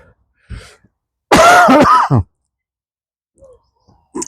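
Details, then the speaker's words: Adult with a cough that is going around, out walking in cold morning air: one prolonged, rough, throaty cough with a brief follow-up burst, then quiet breathing; the cold air triggers the harsh cough. "Not with me cough. When I came out into the cold air, it catches you."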